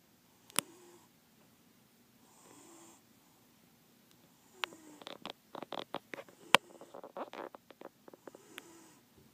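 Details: Male cat sleeping under a table, snoring: soft, irregular snoring breaths with bursts of short snorting and clicking sounds.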